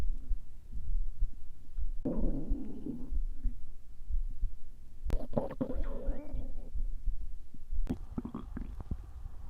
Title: Happy Halloween 🎃👻Stomach growling ♪